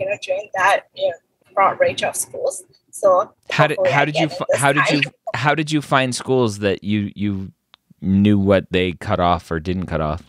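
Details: Adult male speaker; no disorder.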